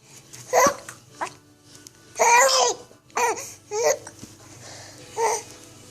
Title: Laughs and hiccups